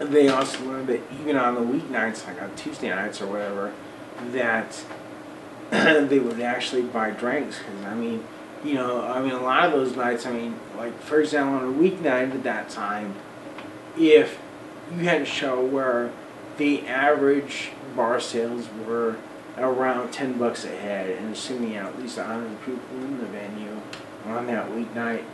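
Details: Man almost 40 with Friedreich's ataxia, a recessively inherited, progressive, degenerative neuromuscular disorder with early onset in childhood; uses a wheelchair; ataxic dysarthria.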